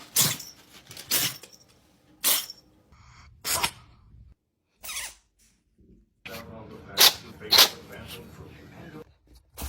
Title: Sneezing cats compilation repost